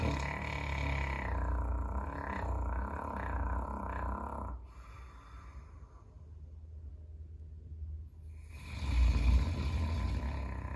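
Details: Caucasian Shepherd (Ovcharka) dog snoring while lying in an entryway, fairly mild this time: deep, rumbling, fluttering snores with a quiet pause between breaths.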